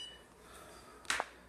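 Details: MicroLight 830 therapeutic laser used by a vet to treat dogs: a single short electronic beep in a quiet room, the audible cycle signal of the laser.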